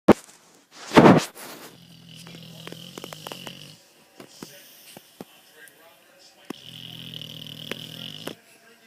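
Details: Dog snoring: two long, low, buzzing rattles on the in-breath about five seconds apart, after a brief bump of handling noise.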